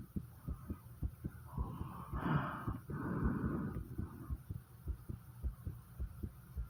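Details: Heartbeat with heavy breathing recorded right after 50 squats; fast heartbeat after exercise (exercise-induced sinus tachycardia).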